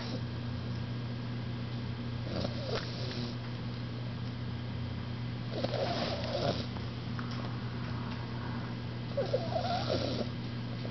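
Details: An Olde English Bulldogge puppy snoring in sleep: three rough, rattly snorts about every three to four seconds over a steady electrical hum.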